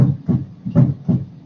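Low, regular lub-dub heart sounds with clean, crisp beats and no extra noises between them.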